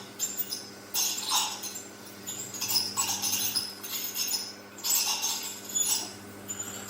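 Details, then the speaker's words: Ultrasonic dental scaler (Piezon/Cavitron) running with its tip submerged in water during an aerosol settling test in a dental surgery, without suction or ventilation; intermittent high-pitched buzzing and hissing, no increased aerosol readings noted. "so the city's basically submerged saying that when it submerged actually generates less aerosol and again really trying here I'll hold this up generating best of employment mist and we are again the same as with the triple strange we're really not getting any increased readings here adults"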